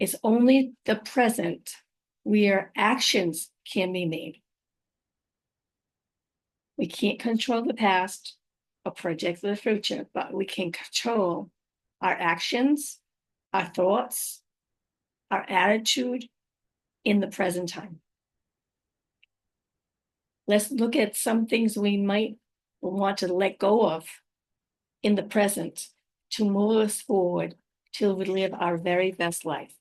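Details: Adult woman with aphasia, apraxia of speech, dysarthria and other communication challenges after a stroke about five years earlier; her speech can be hard to understand: aphasia with apraxia of speech and dysarthria.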